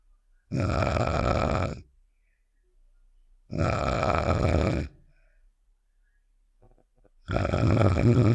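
Three long, loud, low rumbling snores with quiet gaps between them, about 18 a minute: an imitated snoring sound effect.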